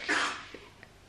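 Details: Sick child whose cough has not cleared with natural remedies: a single short, explosive cough, followed by quiet breathing noise in a small room.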